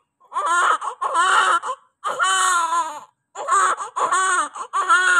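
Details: Newborn baby's first cry just after delivery, possibly a girl: loud, strong, sustained crying in repeated bouts, a vigorous full cry showing an active baby.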